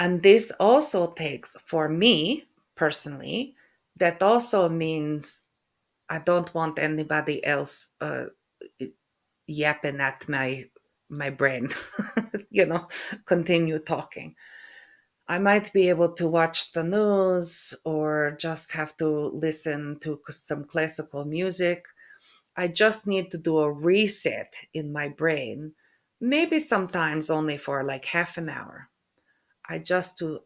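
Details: Aphasia after stroke in an adult woman who also has functional neurological disorder; halting speech with hesitation between words, mixed-up words and some stuttering.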